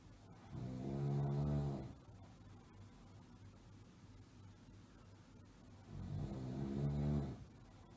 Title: Snoring Sound Effect Schnarchen Geräusch Sound